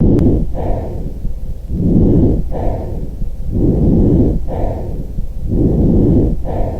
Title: Types of Lung Sounds